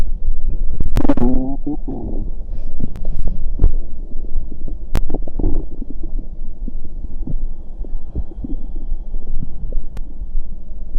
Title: Stomach growl (drink cider)